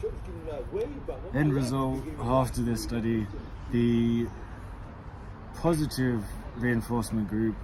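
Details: Adult man who has stammered since childhood; stuttering.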